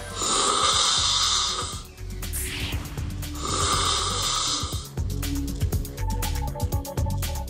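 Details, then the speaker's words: Adult's self-recorded sleep snoring, which has worsened markedly over about two years with weight gain; they toss and turn a lot because breathing feels obstructed. "2년 전쯤부터 30km 정도가 이제 살이 찌면서 코골이가 많이 심해졌습니다 근데 이거는 제가 직접 코골이를 제 코골이를 좀 녹음을 한 건데"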